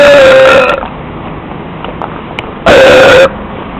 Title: My Burps In The Street 3 / Mis Eructos En La Calle 3